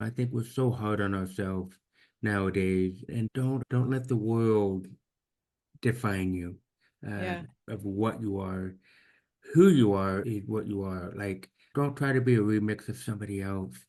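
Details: Man almost 50 with severe to profound hearing loss since birth, diagnosed at age 2, orally trained with about 13 years of speech therapy; finding: deaf speech.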